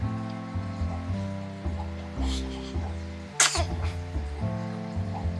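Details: A newborn baby girl with hiccups that began right after drinking milk gives one sudden short sneeze that stops the hiccups, over background music; sneeze.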